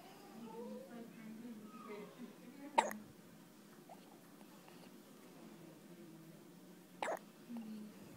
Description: gets hiccups!